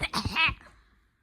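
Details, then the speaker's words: A brief, throaty cough-like burst, acted for play rather than a real cough, by someone claiming a bad cough; exaggerated cough. "What is that? It sounds like you're making those noises when you punch someone and punch out. I have a bad cough."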